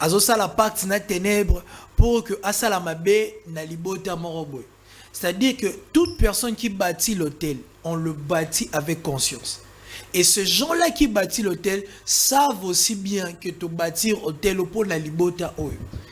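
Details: Adult man speaking French; Normal speech.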